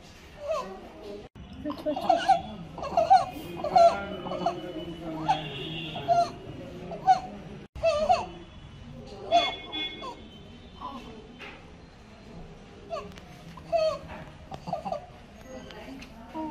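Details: Sleeping 1.5-month-old infant, probably in hospital, comfortable, with appropriate growth, with noisy inspiratory stridor from laryngomalacia, floppy laryngeal tissues collapsing on inhalation.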